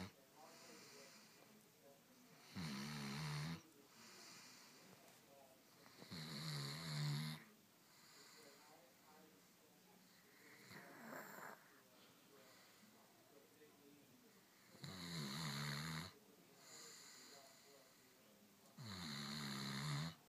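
Loud rattling snores recur about every four seconds against quieter breathing, with softer snoring sounds between them. Heavy snoring.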